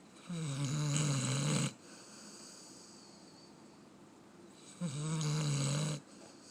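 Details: Companion animal asleep: two long, low, buzzing snores on the in-breath about four seconds apart, quiet breathing between; plain snoring.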